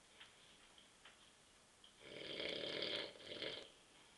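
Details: An adult man asleep on a sofa after drinking too many beers: a quiet room, then one long, rasping snore on an in-breath lasting about a second and a half.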